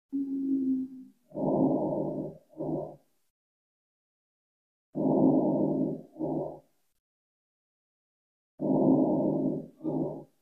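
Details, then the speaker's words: Stethoscope auscultation recording of asthma played in a lecture: musical, whistling breath sounds over repeated breaths, about 17 a minute, with music in the background. Wheezing. "these are the sounds that you hear with asthma if you were to do a oscilation with your stethoscope [Music] so that's [Music] weezing"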